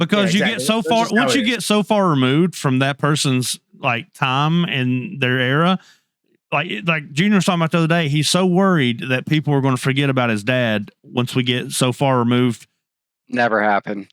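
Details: Adult male speaker; Normal conversational speech.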